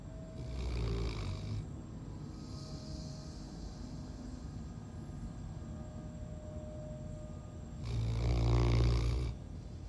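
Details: A sleeping dog snores in two loud, rumbling bursts separated by a quiet stretch of breathing.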